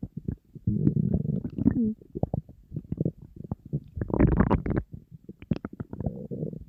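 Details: Person on a diet, very hungry, stomach rumbling nonstop: loud, nearly continuous gurgling and low rumbling with brief pauses; empty stomach hunger growling (borborygmi).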